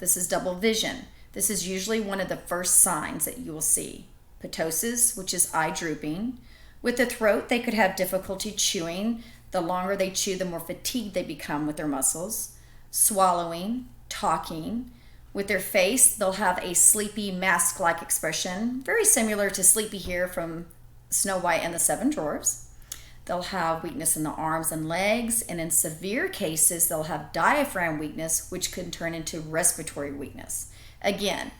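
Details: Adult woman speaking; ordinary speech.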